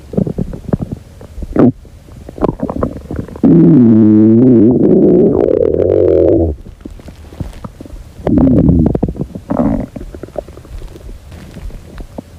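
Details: Hungry girl's stomach: loud gurgling, rumbling tones with a long whining, rising-and-falling growl plus scattered short gurgles and clicks, stomach growling (borborygmi).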